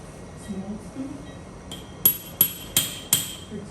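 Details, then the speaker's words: Four sharp metallic mallet taps in quick succession after quiet room noise, advancing a titanium cage into the L5-S1 disc space during OLLIF revision fusion for non-union. "now i'm going to remove actually i use this part of the hammer not to slip x-ray and you need a little bit"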